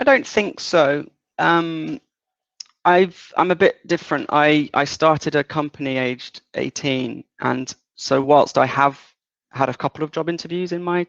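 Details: 37-year-old man with lifelong developmental stuttering since about age three, worse in childhood, partly controlled as an adult, worse under stress or anxiety; stuttering.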